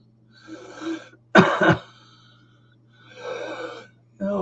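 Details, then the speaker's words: Adult patient back in hospital awaiting camera procedure to examine lungs, with congestion and coughing of unclear cause, choked-up sound around the nasal passages; cough. "the reason they're doing this is because I'm not sure um what's causing the this congestion that I've now seemed to have this coughing and this you'll hear it all choked up around the nasal passages"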